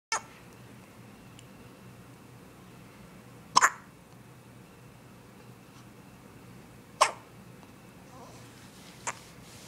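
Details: A female pet, possibly a dog, has hiccups: four short, sharp gulping bursts about every two to three seconds over quiet room noise.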